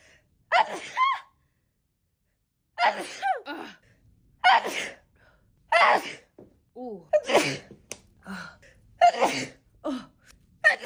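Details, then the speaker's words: A young woman sneezes about seven times, each a sharp gasping in-breath then an explosive burst, with pauses between: ordinary repeated sneezing. "I keep sneezing."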